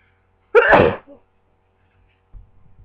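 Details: A single sharp, forceful sneeze followed by a brief soft exhale and quiet room sounds; the person is unsure whether it is a cold or allergies; sneeze.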